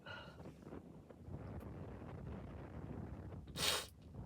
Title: Really wet sneezes (M)